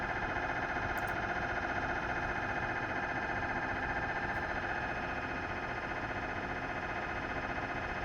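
Steady loud buzzing drone with a fast rhythmic pulse, typical of an MRI scanner running a sequence.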